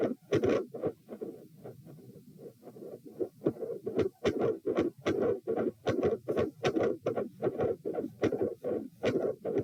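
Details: Heart sounds recorded at position p during provoking manoeuvres (Valsalva, standing, lying on each side), S1 and S2 split, ~75/min: soft diastolic regurgitant murmur after S2, quiet, then loud continuous machinery murmur with extreme intensity changes.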